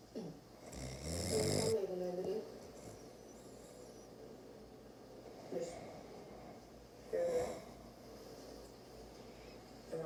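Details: Man who fell asleep during blackhead extraction from his face: three irregular snorting snores, partly masked by television dialogue in the background.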